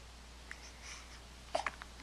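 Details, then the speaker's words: Several "girls" who are all wide awake with hiccups, recorded on March 9, 2010 with a Flip Video camcorder. A few faint, abrupt hiccup clicks in a quiet room: ordinary hiccups. "Hi, girls. What are you up to? Everyone have the hiccups?"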